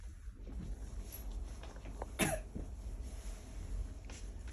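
One sharp cough burst from an adult woman, followed by a fainter second one, over low room hum: a simple cough.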